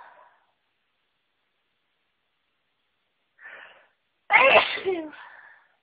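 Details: Person around a flower that always makes them sneezy: short inhaling build-up, then one loud sneeze with voiced trailing sound; allergic sneezing.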